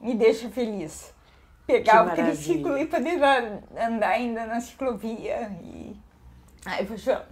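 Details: Ataxic dysarthria in a woman with hereditary autosomal dominant spinocerebellar ataxia (Machado-Joseph disease) affecting her speech and gait; symptom onset at 38, diagnosed at 40.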